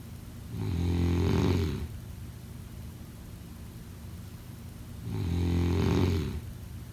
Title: Snoring sound 03/09/2025